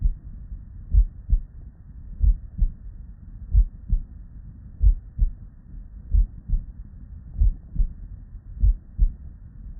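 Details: Real, unedited bedside recording of normal human heart sounds (S1 and S2) from patients with normal cardiac physiology, looped seamlessly into continuous listening.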